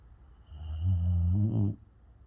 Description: Just a video of Bella, my Beagle, snoring as she is happy far away in slumberland.